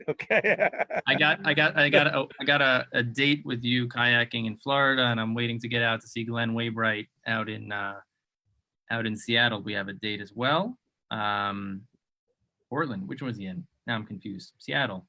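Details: Adult man, conversational speech; stuttering.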